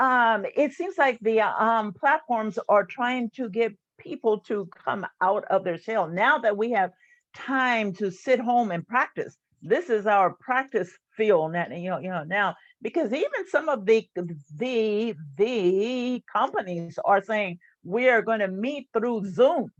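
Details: Stuttering in an adult woman, a retired employee and stuttering support group leader who has stuttered since about age seven.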